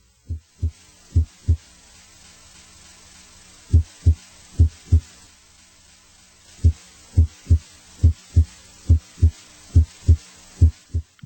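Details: Regular paired low lub-dub thumps at about 70 beats a minute over a faint low hum, with a brief pause: normal first and second heart sounds heard with the stethoscope bell at the apex.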